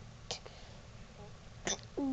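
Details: Boy hiccuping while reading short phonics words aloud before bed: two sudden, abrupt catches of breath about a second and a half apart, then a short voiced sound over low room noise. Hiccups.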